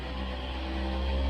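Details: Handheld percussion massage tool used during a chiropractic adjustment session: steady low motor hum with a buzzing drone.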